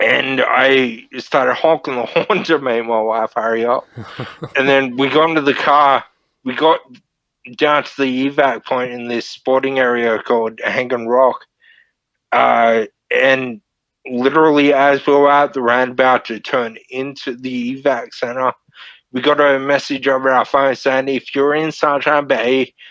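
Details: Man, 31, with Friedreich's ataxia diagnosed at 14, a neurodegenerative disorder; wheelchair user since about 23; he reports slurred speech and word-finding struggles as part of the disorder; finding: ataxic dysarthria (Friedreich's ataxia).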